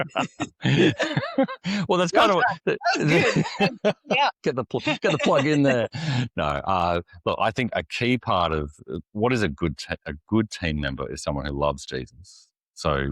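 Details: Adult man, an executive pastor who lives and ministers with a stutter; stuttering.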